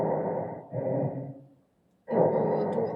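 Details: Imitated tachypnea: rapid breathing demonstrated during a student lung-auscultation therapy session, illustrating shortness of breath linked to hypoxia.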